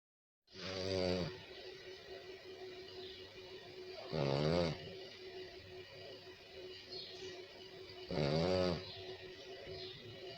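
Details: Sleeping Cavalier King Charles Spaniel snoring: loud, buzzy snores, three in ten seconds, about 16 a minute.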